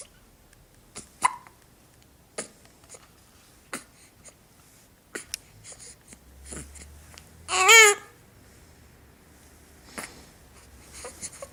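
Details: Four-week-old baby with hiccups: regular short sharp hiccups about every second, with a brief squeal in the middle; common harmless infant hiccups.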